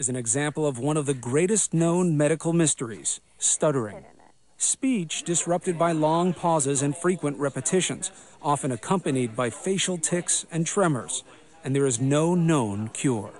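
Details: Adult male narrator; no speech disorder.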